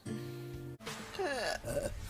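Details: Woman burping: a low, drawn-out croaking burp of about three-quarters of a second, followed by brief vocal sounds, with faint background music.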